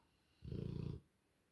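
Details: Rottweiler asleep on the sofa: a single low, rumbling, fluttering snore lasting about half a second; ordinary dog snoring.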